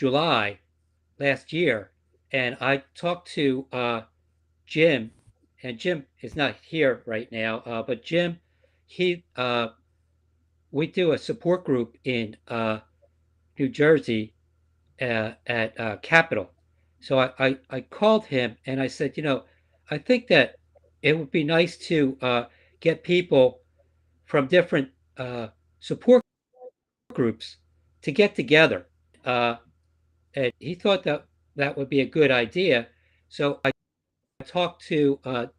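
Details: Man living with aphasia; halting, repetitive speech; aphasia.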